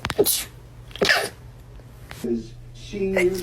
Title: Stifled rapid sneezing